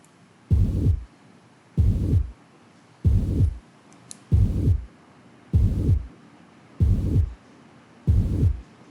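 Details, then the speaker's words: Mitral stenosis murmur at a slow heart rate: a diastolic murmur that starts just after S2 and ends before S1. "तो आप ये S2 से थोड़ा सा पहले शुरू होता है और S1 से पहले खत्म हो जाता है."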